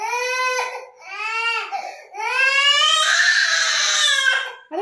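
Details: Young child crying for his dad, who has gone to bathe, while being coaxed by a family member: loud, high-pitched wailing in long drawn-out bursts with brief catches of breath; ordinary emotional crying.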